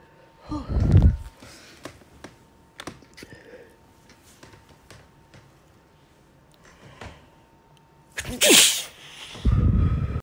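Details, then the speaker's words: Person, saying in Spanish they need to sneeze and blaming allergy, gives two loud explosive sneezes, each after a sharp intake, separated by quiet room noise; sneezing. "Voy a estornudar. Ay, perdón. Otra vez. Necesito estornudar."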